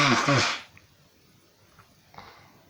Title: Sneezing non stop like a mad person